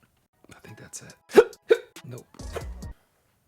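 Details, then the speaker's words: Repeated hiccups interrupting speech, ongoing for about 10 minutes: two sharp, abrupt gulping catches break up soft speech-like sounds, with faint background music. "my body is just against me today are you done hiccups are you done what is the purpose of hiccup hoping that was the last one"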